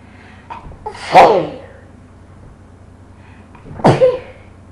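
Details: Bout of repeated sneezing from a person who couldn't stop sneezing: two forceful sneezes about three seconds apart, each preceded by short inhaled catches.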